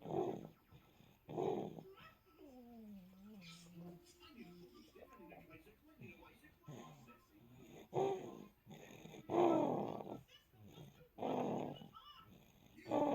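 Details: Baby boy under one month old asleep on his mother's chest, snoring more gently than adults: rough noisy breaths, a brief whiny vocal sound, then loud snoring breaths again.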